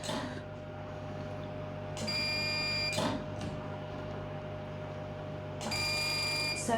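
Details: Steady machine hum with two bursts of high electronic tones and a clicking pedal: a CO2 fractional laser on its fractional setting firing a test shot on a patient's face during a facial resurfacing demonstration.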